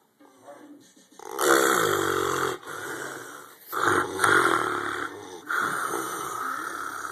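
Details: Heavy snoring during deep sleep in a man: loud, harsh, rattling snores with a fluttering vibration on each breath in, separated by brief pauses.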